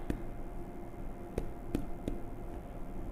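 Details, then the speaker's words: Abdominal percussion for ascites (shifting dullness test) on a supine adult male: tympany at the umbilicus from overlying air, changing to dullness when percussing toward the right flank, before the patient turns onto his left side. "Perkusi kita mulai dari umbilikus, di mana kita tahu ketika terjadi asites dalam posisi terlentang, yang di atas ini adalah adanya udara, jadi nanti terdengar suara timpani."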